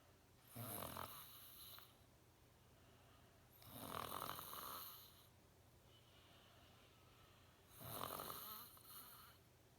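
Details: A father snoring very loudly: three long, loud, harsh snoring breaths about every three to four seconds, roughly 16 a minute; heavy snoring.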